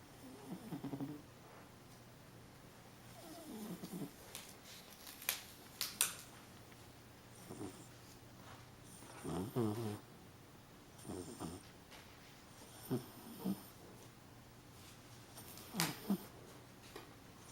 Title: Molly snoring and dreaming